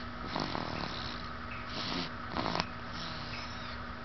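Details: Rough, snorting breath sounds over a steady background hum during sleep, recorded 9.2.08: snoring.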